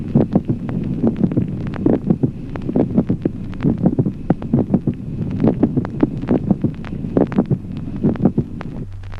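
Regular heartbeat at about 68 a minute, with a brief, sharp extra sound between the first and second heart sounds: a mid-systolic click. Low steady hum underneath.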